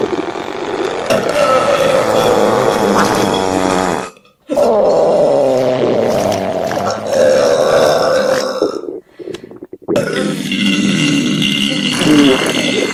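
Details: Three long, loud, drawn-out belches with brief pauses between, in a recording described as stomach sounds with burps and farting; ordinary burping.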